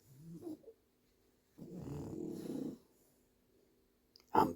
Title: French Bulldog...loudest snoring EVER